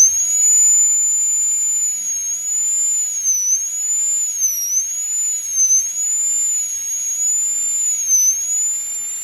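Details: Full metal crown preparation on tooth #46 of a phantom-head model, demonstrated in a fixed prosthodontics teaching session: steady high-pitched whine of a high-speed dental handpiece, pitch dipping briefly as the bur reduces the axial wall.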